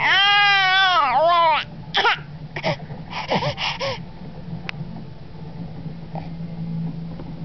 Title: Baby Coughing